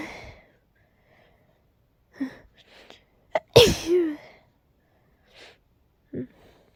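Brief sniffs and a catch of breath build to one loud, explosive sneeze, followed by a trailing voiced sound and quiet breathing.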